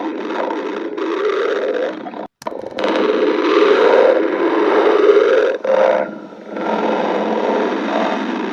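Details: Stomach growling (borborygmi): long rumbling, gurgling noises with a brief gap.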